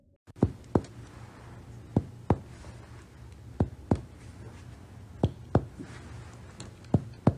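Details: Sharp finger taps, mostly in pairs of two quick strikes, over quiet room hum during a respiratory physical examination lesson: chest percussion notes, as in resonant, tympanic, dull and flat.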